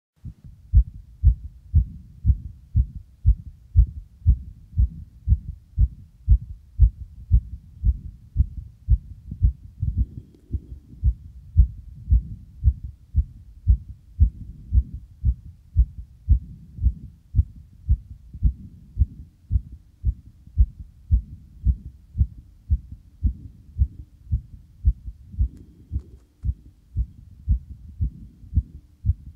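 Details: A male's heartbeat recorded just after exercise: quick, regular low thumps at about 115 beats a minute, starting fast and then slowing.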